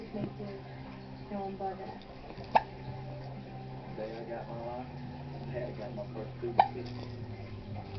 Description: My daughter hamming in front of the camera while having some hiccups.